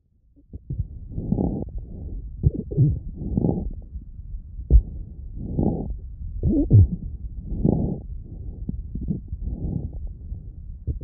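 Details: Breath sounds recorded through an Eko stethoscope with brief popping clicks layered over the breathing cycles: lung crackles.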